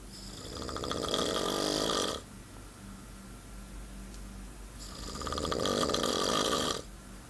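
Two long, harsh, fluttering snores, each lasting about two seconds, separated by quiet breathing; snoring during sleep.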